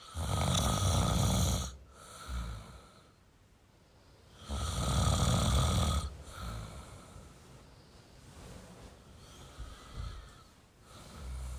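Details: Adult male snoring: two deep, rumbling inhaled snores with quieter breaths between, roughly five breaths a minute.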